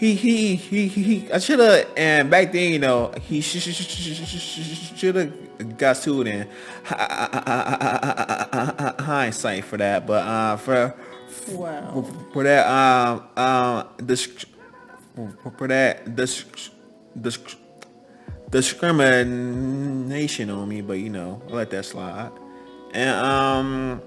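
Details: Adult man who has stuttered all his life, since he could talk, and saw speech teachers; a speech therapist noted his face becomes extremely tense on certain words; stuttering.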